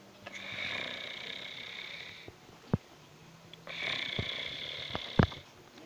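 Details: Sleeping cat snoring: two long, airy, whistling breath sounds with short sniffs and clicks between them.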